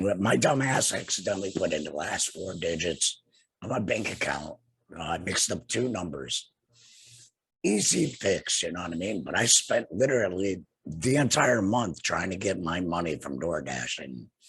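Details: Tracheoesophageal speech in an adult man two years after laryngectomy for cancer, treated with radiation and chemotherapy; no larynx, breathes through a neck stoma and speaks with a TEP voice prosthesis and HME.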